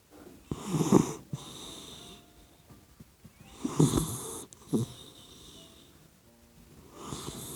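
Slow, rough, rattling breaths during sleep, about 20 a minute; ordinary snoring in a sleeping puppy.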